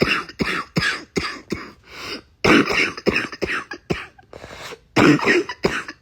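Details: Adult with a cold last week, congestion in the lungs, feeling better now: run of rapid, harsh coughs with a loose, congested, barking quality; congested wet cough.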